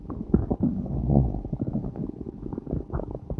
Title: stomach growling!!! n.n